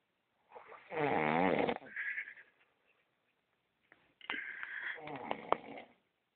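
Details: Male friend who fell asleep on a trip, snoring: two loud, rough, buzzing breath sounds separated by a pause.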